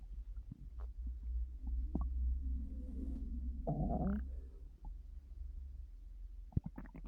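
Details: Loud stomach noises: low gurgling rumbles with bubbly, squeaky bursts and clicks from a moving gut, borborygmi.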